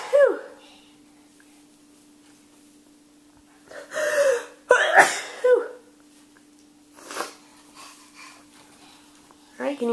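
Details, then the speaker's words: A young child with the sniffles sneezes at bedtime amid quiet talk and sniffly breathing, with a faint steady room hum; the adult with him also has the sniffles. "I guess we both have the sniffles today. Bless you."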